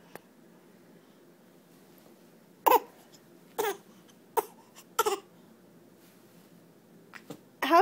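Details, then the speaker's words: A child gives several short, forced coughs on request: a deliberately imitated, fake cough rather than a true one. "cough how's your cough that's fake"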